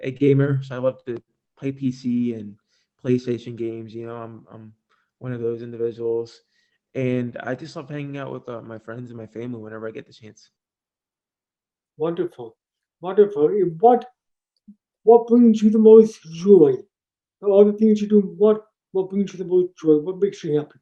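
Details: Deaf speech of an adult man born three months premature in 1976, with congenital hearing loss not found until age two and a half. Taught to listen and speak orally, with unintelligible speech as a child. Also has ADHD.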